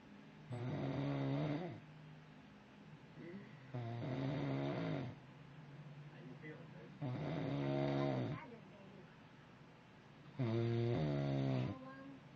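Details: Snoring from a man who claims he doesn't snore: four long, rumbling snores at a steady pace of about 18 a minute, with quieter breathing between them.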